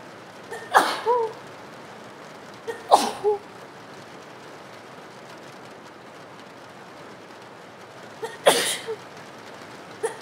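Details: Acted scenario of a girl at a rainy bus stop with a cold: three sudden sneezes, each with a sharp inhaled lead-in and a short trailing sniff, over steady rain noise. Repeated sneezing.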